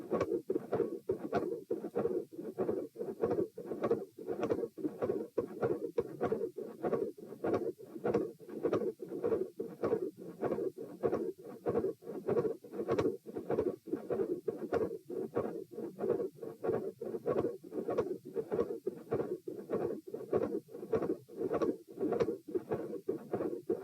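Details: Heart sounds recorded at position P during a stress test in hot weather, lying, sitting, standing, then lying again (90-102-132-78 bpm): fast steady beats with mid-systolic murmur and very loud, large S2.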